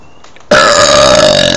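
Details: Person burping: a loud, long, rumbling burp after a brief quiet lead-in.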